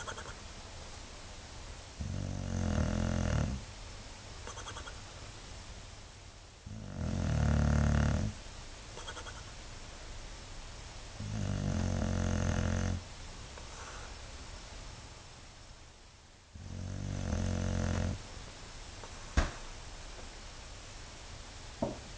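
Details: Four deep, rattling snores, about 12 per minute, with soft breathing between them from a sleeping dog; steady snoring.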